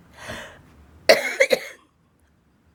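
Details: A woman with cystic fibrosis takes a soft breath, then gives one forceful cough burst followed by two short, sharp coughs in quick succession: a cystic fibrosis cough.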